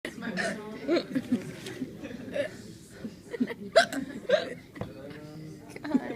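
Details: Girl with hiccups: repeated sharp hiccup gasps mixed with giggling and nearby talk; laughing said to make it worse.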